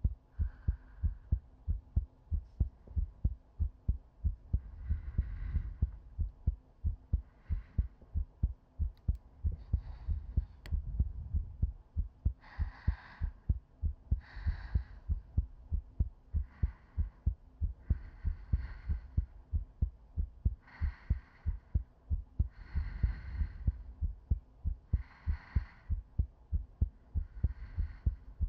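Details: ASMR sleep-aid loop of a woman's chest heartbeat: steady, soft thumps at about 94 a minute with slow, gentle breaths drifting over them; normal heartbeat.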